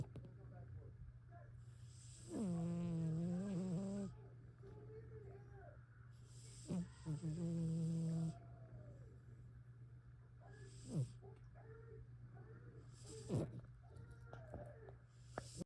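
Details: A sleeping cat snoring loudly: two loud, buzzing, tonal snores a few seconds apart over a steady low hum.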